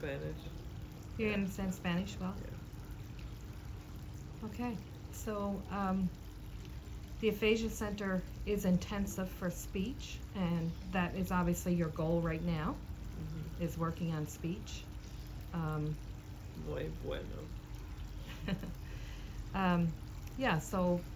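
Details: Adult speaker, likely a therapist; normal speech.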